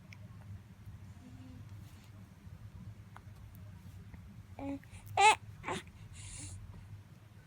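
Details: A one-month-old baby in a quiet room: a small gasp, then two quick sharp sneezes, a normal reflex clearing of the nose.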